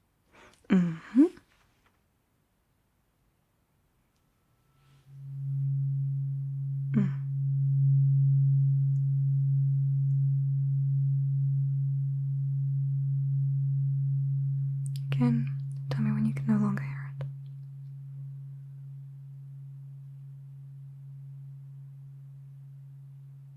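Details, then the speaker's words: Simulated cranial nerve exam (ASMR roleplay, eyes closed): a struck tuning fork tone in a hearing test. The listener is asked to say when they hear it, which ear, and when it fades. "I just want you to tell me when you can hear the tuning fork."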